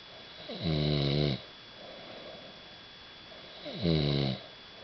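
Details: Person snoring at Keekoroke: two loud, rough, buzzing snores on breathing in, with quiet breathing out between them.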